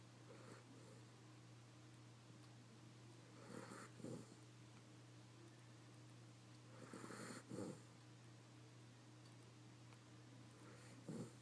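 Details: Schnauzer snoring with her eyes wide open: slow, irregular snorting snores about every 3 to 4 seconds over a steady low hum.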